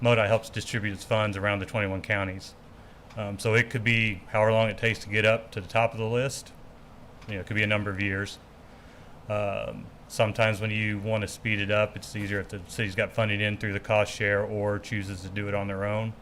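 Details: Adult man speaking; normal speech.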